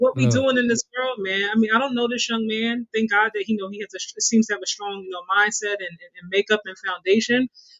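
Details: Adult man speaking; Normal speech.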